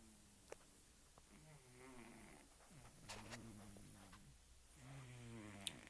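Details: Pet cat sleeping and snoring loudly: rough, buzzing breaths in a quiet room.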